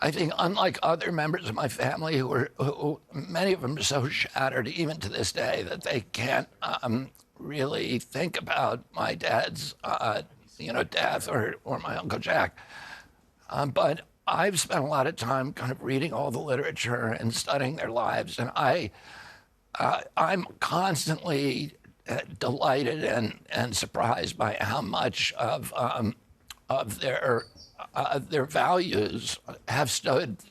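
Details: Adult man with spasmodic dystonia, a neurological disorder making his vocal cords tighten constantly. Onset at age 42 after a 1996 injury; surgery in Kyoto about eight months earlier.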